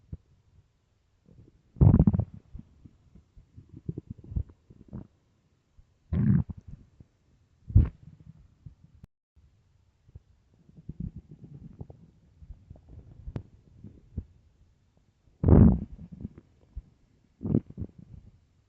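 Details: Stomach of a starving, hungry person growling: repeated low gurgling rumbles with short louder squeaks and bursts between quiet stretches, normal hunger borborygmi.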